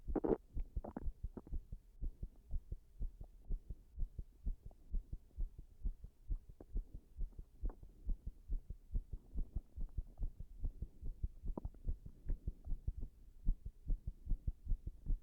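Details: Irregular heartbeat in a person after staying up all night, recorded standing pressed against a wall: low, dull heart thumps at uneven intervals, consistent with an arrhythmia.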